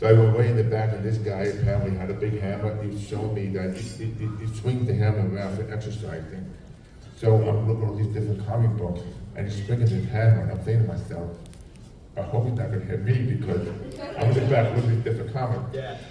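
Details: Adult man with profound hearing loss since childhood and a childhood speech impediment, trained in phonetics, who wore two hearing aids and received a cochlear implant about 3.5 years ago; deaf speech (speech of profound hearing loss).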